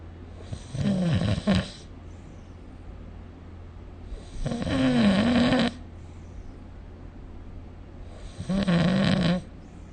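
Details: Snoring recorded with the SnoreLab app: three loud, rattling, low-pitched inhaled snores separated by quiet pauses, about 16 a minute, over faint steady room hum.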